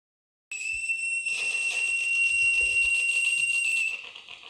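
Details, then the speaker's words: EMG needle electrode in the splenius muscle of the neck on a portable EMG amplifier, guiding a botulinum toxin injection: a dense crackling rustle with a steady high tone marks active muscle at the needle tip, the right injection site. "this rustling sound tells us that we are in the right place without removing the needle we put the syringe on the canula and inject the botolinum toxin"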